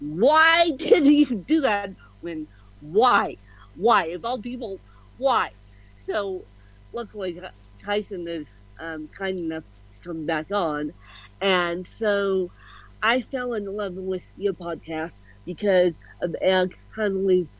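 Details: Adult woman with ataxic cerebral palsy ("mixed bag of CP"), officially diagnosed at 31, with a slight speech impediment; ataxic dysarthria.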